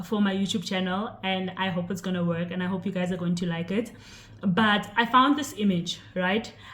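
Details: Adult woman speaking; Normal fluent speech.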